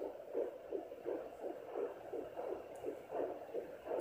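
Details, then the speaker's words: Fetal heartbeat at 10 weeks 1 day on a handheld home Doppler, baby lying low: fast, regular whooshing pulses, rate read as 132 a minute. "there you have it 10 weeks in one day and oh nowadays there it is 1 35 that's my baby's heartbeat"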